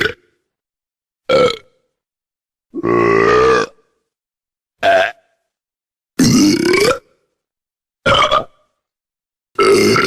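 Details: Sound-effect recording of burping: seven loud separate burps over about ten seconds, some short, some drawn out, with silence between.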